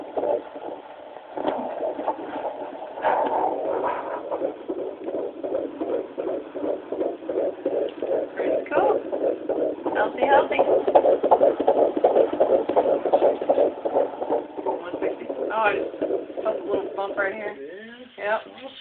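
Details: Rapid, regular whooshing fetal heartbeat at about 165 beats a minute picked up by a handheld Doppler.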